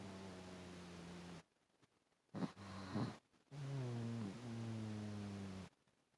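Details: Long, low, droning snores with brief gaps, from a pet asleep on its owner's chest, recorded on a phone with poor audio quality: snoring.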